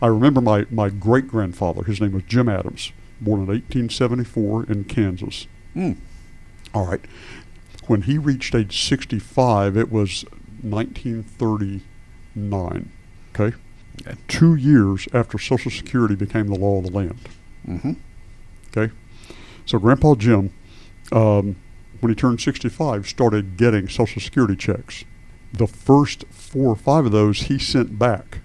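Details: Adult man with adductor spasmodic dysphonia, a rare neurological voice condition since about 1999-2000, in which laryngeal spasms make the vocal folds slam together, with difficulty on certain words; treated with botulinum toxin injections below the Adam's apple; adductor spasmodic dysphonia.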